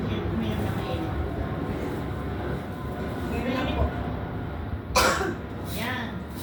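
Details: Adult woman with a dry cough for almost a month, coughing during a prayer/healing therapy session; a short, loose-sounding cough with a second softer burst, over steady room noise.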